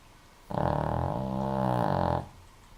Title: Benny, the snoring dog :)